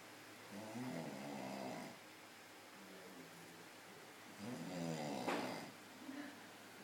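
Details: Very loud snoring during sleep: two loud, rough, rattling breaths with a quieter one between, and faint room noise.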